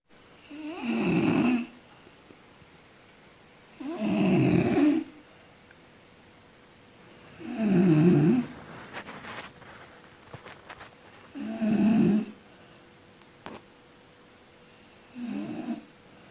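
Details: Person sleeping and snoring: five loud, low, rattling snores on inhaling, about 17 a minute, with quiet pauses between them.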